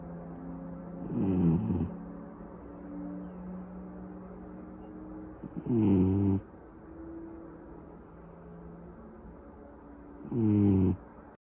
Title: Sleeping and Snoring